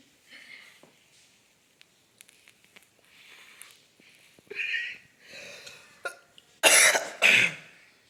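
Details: Person smoking a cigarette, being urged to inhale the smoke: soft throat clearing and short breathy sounds building to two loud, harsh coughs.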